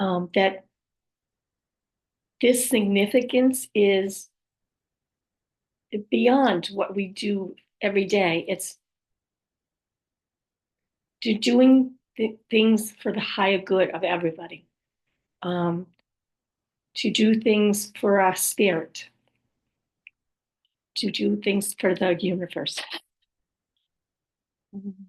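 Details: Aphasia with apraxia of speech in an adult woman after a stroke, who also reports other communication challenges and difficulty accessing words, and says her speech is sometimes hard to understand; aphasia with apraxia of speech.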